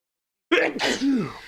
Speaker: Damn it. Sneezes. Damn it. Sneezing everywhere.